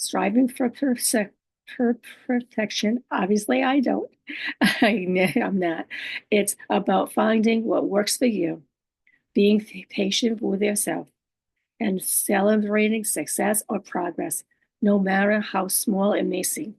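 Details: Adult woman living with aphasia, apraxia of speech and dysarthria, whose speech can be hard to understand and distorted; she repeats a phrase and restarts it: aphasia with apraxia of speech and dysarthria.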